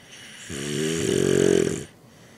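One loud, buzzing, rising snore of under two seconds, fluttering on the breath, then quiet: a single snore.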